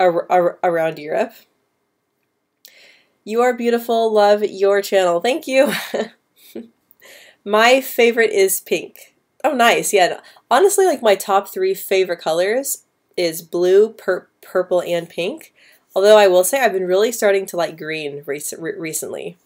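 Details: Female speaker who stutters, answering live questions, with a part-word repetition; stuttering.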